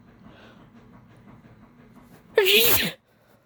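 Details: A single loud, forceful sneeze over faint room noise from a person whose allergies are acting up, making sneezes easy to induce; allergy sneezing.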